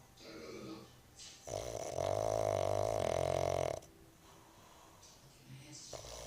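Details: Pug dog snoring: a long, loud, rattling snore on the in-breath between quieter, softer breaths.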